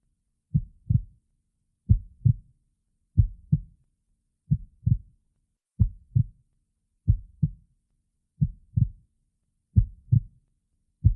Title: My Heartbeat 🥰💕 (plus Stomach Growling) #22